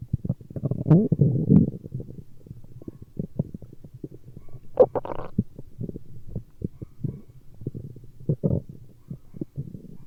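Irregular gurgling, bubbling rumbles with short low pops throughout; ordinary stomach growling from gas and fluid moving through the gut.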